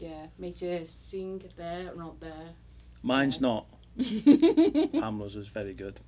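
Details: Woman about 6 years post-stroke with moderate Broca's aphasia, initially paralyzed and unable to speak, later given intensive aphasia therapy; Broca's aphasia.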